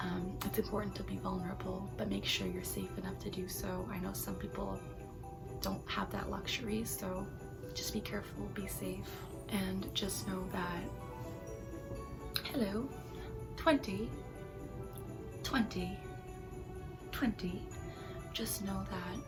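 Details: Tourette syndrome in an adult woman, a neurological disorder causing involuntary tics, worse with strong emotions, excitement and sensory overload; involuntary vocal tics including words and phrases.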